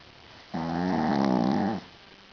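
A single drawn-out, buzzing, tonal snore from a small dog, lasting just over a second, over quiet room noise.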